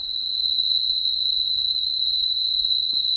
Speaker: En otros casos, el sonido se parece más al sonido que haría un grillo, a lo mejor como esto.